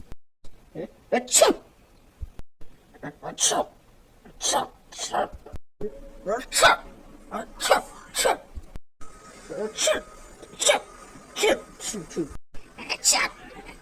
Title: EEE Sneeze voice